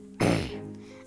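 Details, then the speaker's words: Vocal tic of Tourette syndrome: a single abrupt, low voiced grunt like a throat clear over soft background music; the person describes grunting and throat-clearing tics. "that grunting noise and the throat-clearing noise that you hear is the noise that I make because of my Tourette's."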